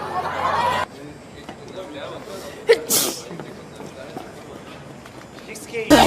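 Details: K-pop idol sneezing: a quick, sharp sneeze among voices and noise, then another brief burst; an ordinary sneeze.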